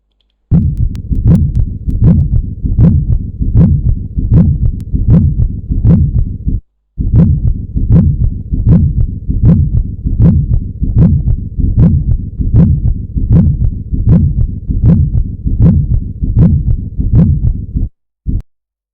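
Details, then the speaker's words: Pericardial friction rub, taught as a sign of pericarditis within the first 3 days after myocardial infarction and heard at the 4th intercostal space. A regular heartbeat near 78 a minute with a coarse, scratchy rubbing sound over each beat. "उस रगड़ से एक sound produce होती है जिसको कहते हैं pericardial friction रब, जो कि फ्रिक्शन से प्रोड्यूस होती है।"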